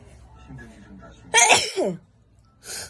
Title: Wide Nose Sneezes Philippines.